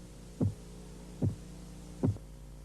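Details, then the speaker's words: Korotkoff phase 3 during blood pressure measurement: the earlier murmur disappears and the tapping becomes louder and higher-pitched, three crisp loud taps over a low steady hum. "Durante la fase Korotkov 3, el murmullo desaparece y el sonido de los golpeteos se hace más fuerte y de un tono más alto."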